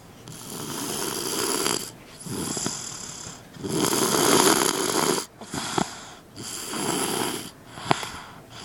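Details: Three-year-old boy napping and snoring: loud, harsh, fluttering breaths repeating about every two seconds, with quieter gaps between.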